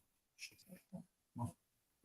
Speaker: Snoring his head off there. Can you hear him? Snoring his head off.